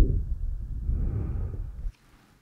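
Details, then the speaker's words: Normal breath sounds in a standardized patient during a chest pain/shortness-of-breath exam: soft, low rushing breath with deep mouth breathing, no wheeze; Eko electronic stethoscope, sound overlaid and edited, not exactly this patient's. "now I'm going to listen to your lungs so take a big breath in and out of your mouth deep breath again"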